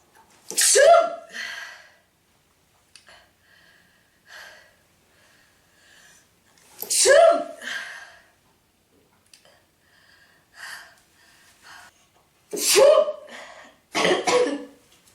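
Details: Woman in a prolonged sneezing fit of 46 sneezes, with nose blowing, saying it stings her nose: four forceful sneezes in quick succession with gasping in-breaths and soft sounds between.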